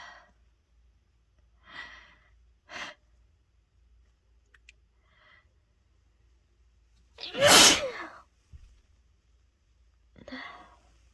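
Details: Adult congested from a cold, sneezing after taking chhinkni (sneezing powder): quiet sniffs and breaths, then one loud explosive sneeze and soft breathing, within a bout of repeated, uncontrollable sneezing.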